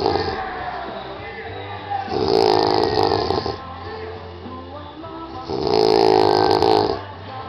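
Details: Two loud, rough, rattling snores with background music; snoring.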